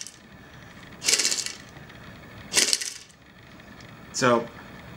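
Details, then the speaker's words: Three short, forceful hissing blows into a handheld Lung Flute, a tube with a mouthpiece and a Mylar reed, the last with a fluttering buzz; an oscillating airway-clearance device whose reed vibrations loosen chest mucus so it can be coughed up. "but it flaps back and forth and that sends vibrations into your chest that dislodge all the built-up mucus that you can cough it up real easily"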